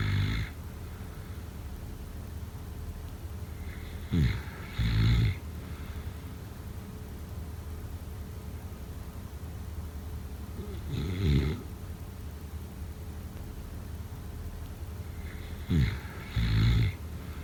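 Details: Snoring during sleep, sound-effect/ASMR recording: deep, low snoring breaths in groups every few seconds over steady room noise.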